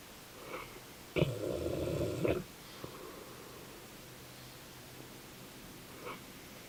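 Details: Snoring in a sleeping Dogue de Bordeaux (French Mastiff) dog: one loud, rough, rattling snore lasting about a second in a quiet room.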